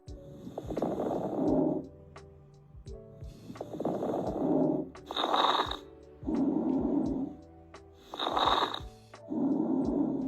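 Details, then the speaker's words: Breath sounds with brief, intermittent popping crackles on each breath, fine (like fingers through hair) or coarse (like Velcro opening), from inhaled air meeting deflated alveoli or secretions: crackles. "there are two types of crackles fine and coarse these are intermittent and brief sounds fine sounds like when you move your fingers through your hair and course is like opening velcro this happens when inhaled air meets deflated alvioli or secretions"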